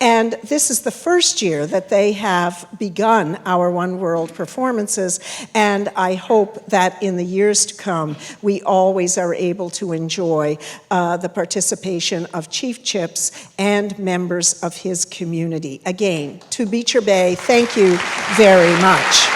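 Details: Adult woman speaking; typical voice.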